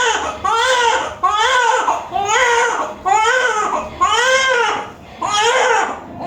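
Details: Newborn baby boy just after normal vaginal delivery; loud, rhythmic crying in repeated strong wails about once a second with brief breaths between; a vigorous, normal cry after birth.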